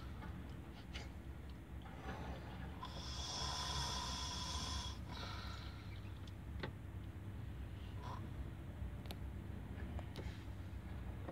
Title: Lgv driver 2nd man snoring